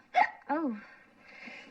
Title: The owl and the pussycat(with the hiccups)